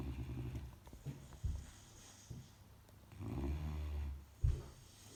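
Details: 10-week-old Saint Bernard puppy snoring during sleep: low, rumbling snores in irregular bursts with quieter breathing between them.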